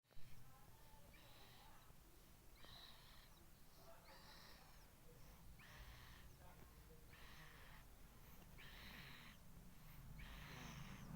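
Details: Sleeping baby girl: soft, hissing, slightly whistling breaths about every 1.5 seconds, roughly 40 a minute, over low hum; light snoring.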